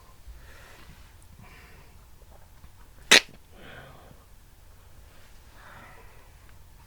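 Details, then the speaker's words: A single sharp, loud imitated sneeze with quiet breathy sounds around it, performed by a man for a comedic "can't stop sneezing" video; a pretend sneeze, not a real one. "that's the sneeze yep yep well i hope you enjoyed watching my funny video on my youtube channel of me doing the um the sneeze can't stop sneezing video"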